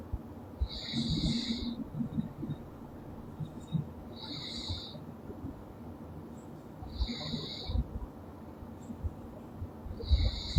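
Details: Loud snoring in a sleeping girl: low rattling breaths about every three seconds, each with a faint whistle, over steady room hiss.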